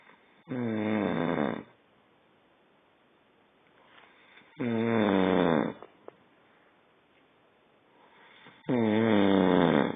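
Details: Adult man snoring at night, recorded at bedtime.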